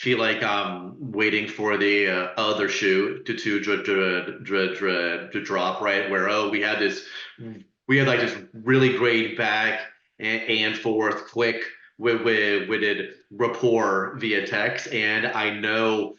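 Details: Adult man who stutters and is open about his stuttering, speaking as a panelist in a webinar on stuttering; stuttering.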